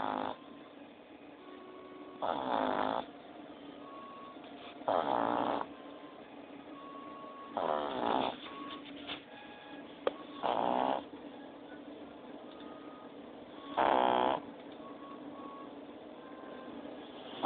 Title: Cartman Snores